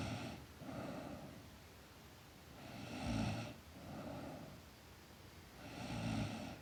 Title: Girl Sleep Snoring